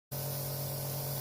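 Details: Steady motor hum with a low buzzing tone and airy hiss from a running compressor nebulizer with a mask, used to nebulize a baby.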